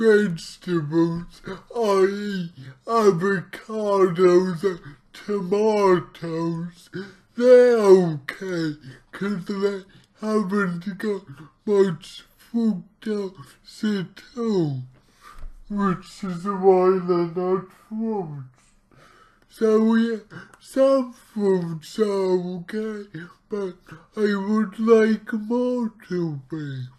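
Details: Dysarthric speech from cerebral palsy in an adult male speaking about his own condition, heavily distorted, about two weeks into trying a keto diet to see its effect on his cerebral palsy.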